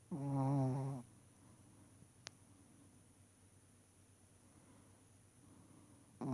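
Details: One rough, low, drawn-out snoring breath from a sleeping puppy, then quiet room noise and the start of another breath.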